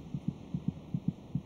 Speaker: by week twenty six it may just be possible to hear the fetal heartbeat by putting your ear against the mothers abdomen the fetus's heart meets about twice as fast as a mother's